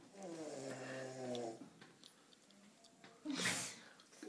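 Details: Dog snoring: a whistling, nasal snore followed by a quieter breath and a snort, with faint room noise.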